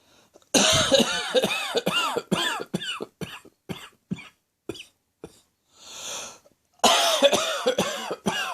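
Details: Heavy acid reflux cough: long run of harsh, forceful coughs, a gasping breath in, then another burst; reflux-related cough.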